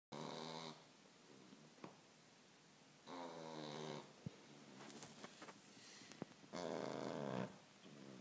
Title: My dog snores like human